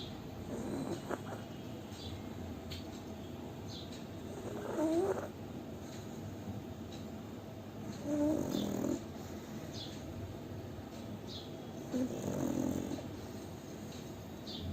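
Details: Sleeping pug: soft, rattling snores about one every four seconds over steady background noise; snoring.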